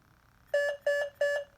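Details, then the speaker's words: Alaris PCA pump capnography no-breath alarm, demonstration with CO2 nasal cannula removed so no waveform or respiratory rate: three loud repeated two-tone beeps signalling no breaths, pausing narcotic infusion. "I've taken my Chanyeol off so that the Machine thinks I've stopped breathing so I don't have a waveform display down here I don't have a respiratory rate display down here and pretty soon I won't get a nun title measurement on there and this will start alarming at me"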